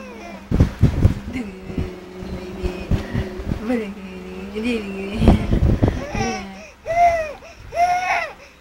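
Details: Baby laughing then crying: sustained wavering voiced sounds and squeals ending in short rising-falling cry bursts; ordinary infant crying after play.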